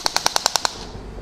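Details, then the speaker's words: Seven sharp, evenly spaced clicking shots, about ten per second, from a radial shockwave therapy device firing along the Achilles tendon while the head is rotated over a swollen spot. "You stand there, firing the shots, and then as you fire the shots, go up, rotate to treat that area, rotate backwards,"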